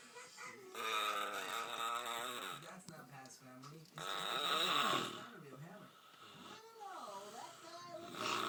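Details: Sister asleep on the sofa snoring loudly: rough voiced snoring with gurgling, drawn-out breaths roughly 17 a minute; ordinary snoring.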